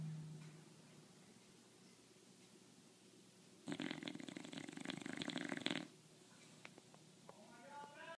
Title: Bulldog snore